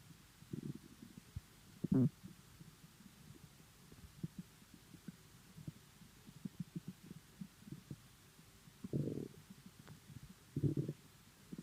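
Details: Bowel sounds (borborygmi).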